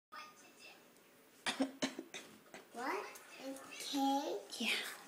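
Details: A young girl gives two quick, sharp voluntary pretend coughs, then vocalizes in a high, playful voice and says she is okay.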